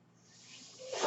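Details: A soft hiss swells quickly into a rushing burst of air as a man's own home ventilator delivers a breath while he records a spoken podcast: home mechanical ventilator airflow.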